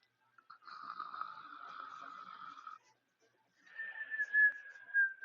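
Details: Two quiet, high-pitched whistling breath sounds during sleep: a whistling snore.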